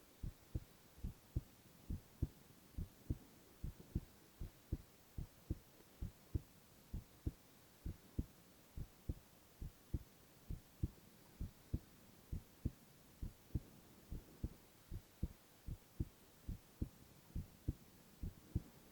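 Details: Male (boy) heart sounds in a silent, no-talking ASMR recording: steady, regular heartbeat, about 75 beats a minute, with a faint hum behind it; normal heart sounds.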